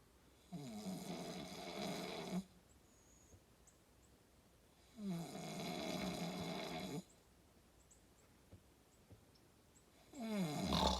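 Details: Father snoring outdoors while deer hunting: loud, rattling snores on each breath in, roughly every five seconds, about 12 breaths a minute, with quiet outdoor pauses between.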